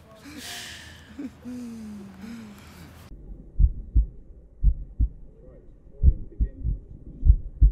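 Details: American female's heartbeat heard through a stethoscope: brief voice and music, then paired lub-dub heart thumps at roughly 50 a minute; an ordinary heartbeat.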